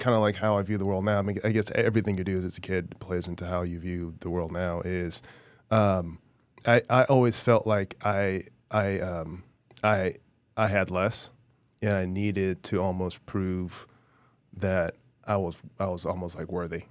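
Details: Adult male former professional football player with a really bad stutter since childhood, treated by a speech therapist as a child and still present now; stuttering.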